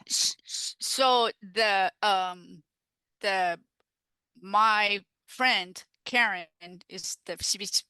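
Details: Aphasia after a stroke in an adult woman, a stroke survivor now involved in aphasia peer support.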